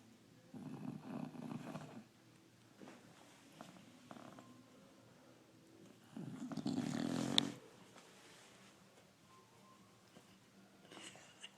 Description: My dog snoring like drunk guy !!!